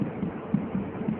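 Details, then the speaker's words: Rapid, soft, muffled fetal heart sounds heard through the mother's abdomen during a Leopold examination. The fetus is in cephalic presentation with its back on the right, so the heartbeat is sought in the lower right quadrant on the right paramedian line. The fetal rate is faster than the mother's pulse. "jenis jantung janin bahkan akan lebih cepat dari denyut nadi ibunya"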